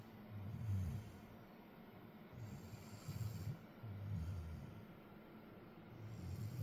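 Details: Repeated low, rumbling snorts and breaths over several seconds with background hiss; snoring.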